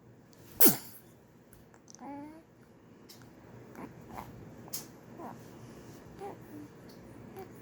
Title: Baby sneezes 😊🧸🥰